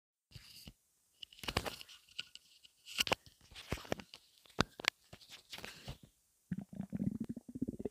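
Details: Loud, non-stop bowel sounds (borborygmi): repeated gurgling, bubbling rumbles from the abdomen in irregular bursts; background music.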